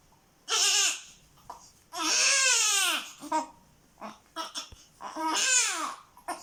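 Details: Sound effect of a newborn baby crying: three long, high-pitched wails with short gasping breaths and small whimpers between.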